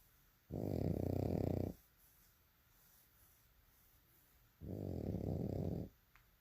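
Two loud, steady, buzzing inhaled snores about four seconds apart, with quiet pauses between them in a small room.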